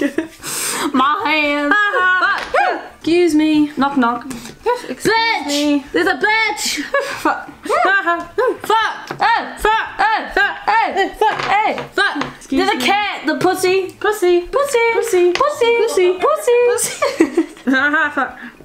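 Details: Real Tourette syndrome with repeated 'excuse me' and 'knock knock' vocal tics and coprolalia; finding: Tourette syndrome vocal tics.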